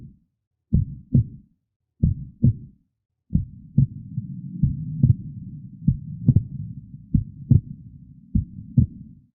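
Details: Normal heart sounds from a teaching lecture: slow, paired lub-dub at about 46 per minute over a low hum. S1 is tricuspid and mitral closure; S2 is aortic and pulmonary closure.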